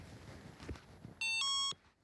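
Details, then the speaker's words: Remote activation beep of an Inspire hypoglossal nerve stimulator implant, switched on by an adult woman with sleep apnea right before sleep: a short electronic two-tone beep. "night Peggy turns on the implant right before going to sleep"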